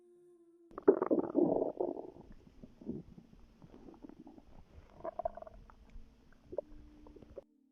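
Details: Pregnant woman's stomach recorded before contractions began: gurgling, bubbling rumbles with a few squeaky tones, irregular over several seconds, as gas and fluid move through the gut; bowel sounds.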